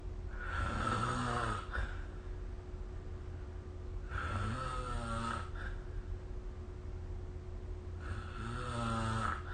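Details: Snoring during sleep recorded with the SnoreLab app: three rough, low-pitched rattling snores on breathing in, about every four seconds, over a steady background hum; ordinary snoring.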